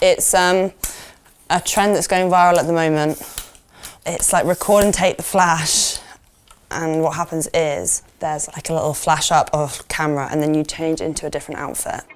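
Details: Adult woman speaking; no speech disorder.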